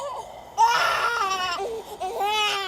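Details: Newborn in his first week home, fussy: loud, sustained wailing cries with brief breaks for breath, ordinary fussy crying.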